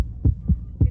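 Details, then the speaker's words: Three deep, soft thumps in a regular lub-dub pattern, played in a physiology class as an example of a normal heart rhythm; normal heartbeat. "si es un ritmo normal funciona normal miremos est No aquí sí latidos del corazón listo muy bien entonces ahí están escuchando el ruido cierto"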